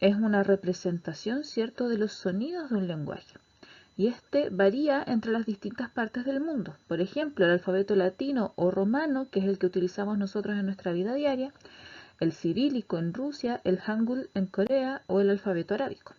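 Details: Adult female lecturer; normal fluent speech.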